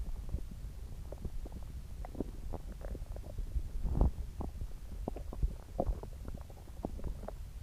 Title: Upset stomach growling